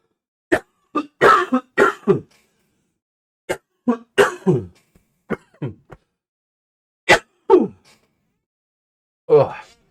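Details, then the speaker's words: A coughing fit: several short, harsh coughs and throat clearing in clusters with brief pauses; the cough was meant to be muted. "I hope I pressed that when I was coughing. I didn't actually check. I turned away. I hope I didn't cough in your uh your ears."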